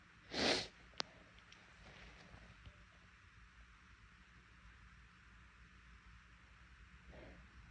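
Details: Person with an irritated nose deliberately induces sneezing, producing one unexpectedly big, sharp, explosive sneeze followed by a brief click and quiet room noise; sneeze.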